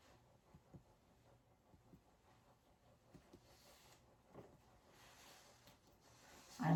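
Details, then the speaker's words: Finger percussion over a male patient's back, starting above the scapula with arms folded, moving side to side: soft, hollow taps giving a normal resonant percussion note, equal on both sides. "that the both sides are equal equal percussion and i am hearing resonant sounds on both sides"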